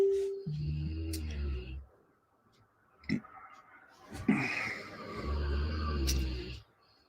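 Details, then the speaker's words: A dog snoring while asleep on a warm day. "I love the sound of the dog snoring. It's they're having a sleep now."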